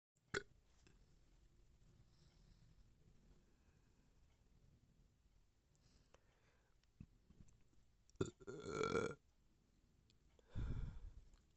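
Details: Two low, drawn-out burps after a sharp click, against quiet room noise; belching with bloating and gassiness.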